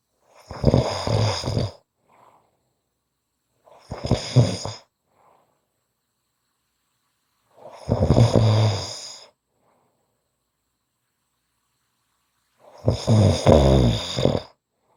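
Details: Snoring: four deep, rattling snores on inspiration, separated by quiet pauses; ordinary snoring.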